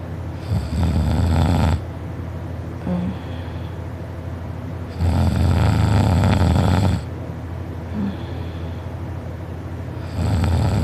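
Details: Person asleep, first on their side and then rolling onto their back, recorded by a family member: loud, harsh, rumbling snores about two seconds long, roughly every five seconds, with quieter breaths out between; heavy snoring.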